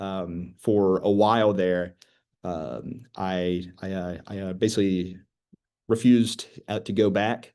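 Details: School-age girl who stutters and is in speech therapy, where she learns strategies such as slow speech; stuttering.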